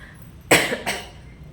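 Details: Cough from an adult woman who has a cold and a sore throat from cold weather and moving around, with her voice affected.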